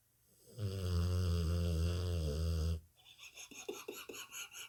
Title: Dog Sleeping 🐕 Snoring loudly, "Buster Brown"